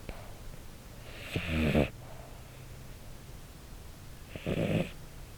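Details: Sleeping male red tabby American Shorthair cat, born March 2013, recorded with a lapel (pin) microphone: two low, rattling breaths about three seconds apart with quiet pauses, uncertain whether snoring or sleep breathing.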